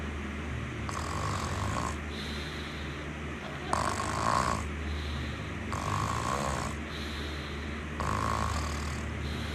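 Rough snores repeat about every two seconds over a steady low hum of background noise. Ordinary snoring during sleep.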